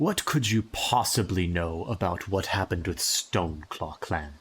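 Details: Adult male speaker; normal speech.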